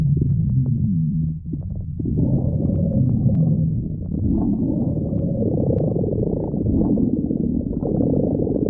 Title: stomach growling